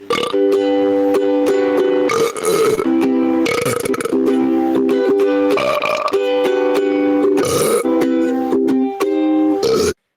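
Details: Man repeatedly burping while trying to sing over ukulele music; short belching bursts interrupt the singing; constant burping.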